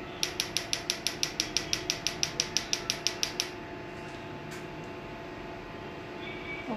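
Sharp, evenly spaced snapping clicks, about two a second for roughly three seconds, then quiet room noise: Q-switched laser pulses during tattoo removal.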